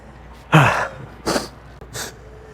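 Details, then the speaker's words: Three sneezes in quick succession, the first loudest, with faint room noise between; person attributes repeated sneezing to seasonal allergies. "you all right over there? Yeah, man. It's just It's just allergies. Allergy season is really bad."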